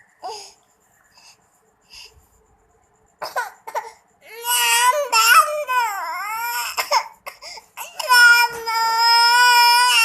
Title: Baby crying